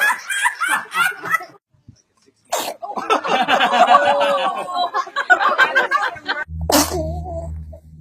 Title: The cutest babies sneezing 🤣 💕 💕